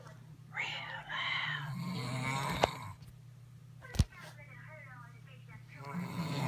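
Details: Loud snoring: two long, rough, rattling snores with sharp clicks between them, over a steady low hum.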